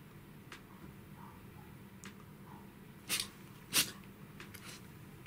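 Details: Two short, sharp sneezes about a second apart from a Pembroke Welsh Corgi puppy over quiet room noise.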